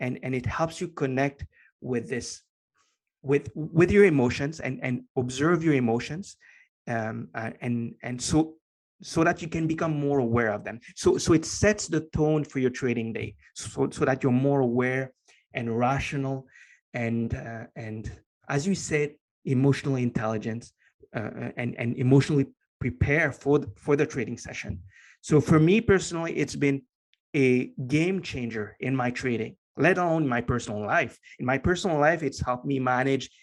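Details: Lifelong stuttering in an adult male, present since earliest memory and formerly severe enough to prevent coherent sentences; years of meditation practice have given him more control, so the stutter is now barely audible.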